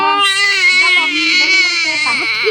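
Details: A baby cries after being pinched by an older sister: loud, sustained, high-pitched wailing with wavering pitch; infant crying.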